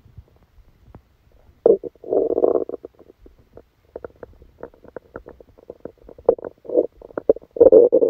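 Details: Stomach sounds recorded during a stomachache after Christmas dinner while the person slept: gurgling, bubbling rumbles with bursts of clicks and squelches; active bowel sounds.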